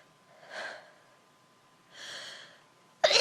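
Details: Person allergic to dust, sneezing in a dusty room (unsure if it may be a cold): two soft, airy, hissing bursts about 1.5 seconds apart, then a sudden loud noise; mild sneezes.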